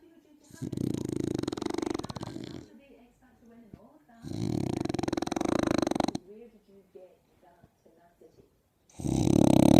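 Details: French bulldog sleeping while sunbathing gives loud, rattling snores on each in-breath, about 15 a minute, with quiet snuffling out-breaths between: heavy snoring.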